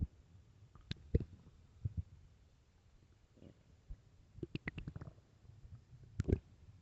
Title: late night stomach growls part 2